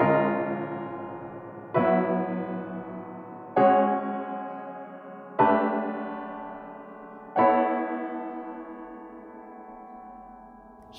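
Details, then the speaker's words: Simulated diplacusis: slow piano chords with detuned, clashing notes ring and build into spreading dissonance, played on a digital "Diplacusis Piano" built to reproduce the experience of diplacusis. "You can hear how the detuned notes clash with one another, [Addled Mystic] and how the dissonance builds upon itself over"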